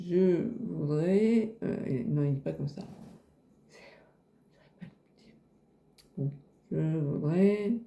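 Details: Man nearly 90 with aphasia for over 30 years after a hang-gliding accident causing traumatic brain injury and a month-long coma; he searches for words and cannot form complete sentences; possibly his own voice or an imitation of it; aphasia.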